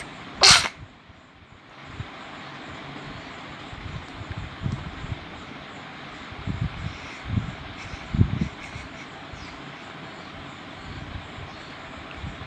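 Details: Baby sneezing: one sharp, brief sneeze burst at the start, followed by quiet room noise and a few soft sounds.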